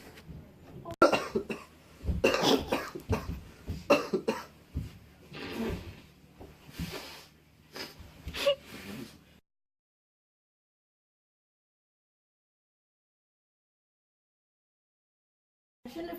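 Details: Acted, simulated whooping cough (pertussis) fit in a public-service skit: a run of repeated harsh coughs and throat clearing, followed by silence.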